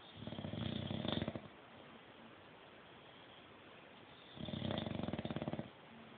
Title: Snoring bulldogs